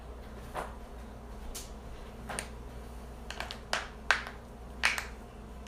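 A series of about nine sharp, dry pops and cracks, some in quick clusters, over a low steady room hum: audible joint cracking (cavitation).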